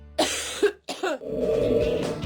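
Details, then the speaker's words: Smoker's cough in a 23-year-old woman who has smoked heavily since about age 11, chest worse morning and night: two harsh rough coughs, with music underneath. "my chest is really bad in the morning of night you can hear and she's coughing"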